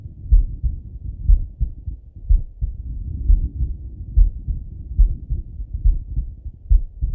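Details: Normal heart sounds of a male lying on his left side, heard through a stethoscope: low, regular heart thumps at about 69 beats per minute.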